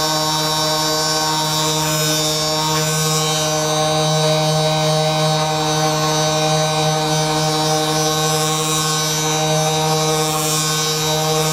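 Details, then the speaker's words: Steady electric buzzing hum of a vibration massage device used to loosen muscles during chiropractic treatment of a patient with severe ankylosing spondylitis, with faint music in the background. "we're going to use the vibration and relax loosen things up here"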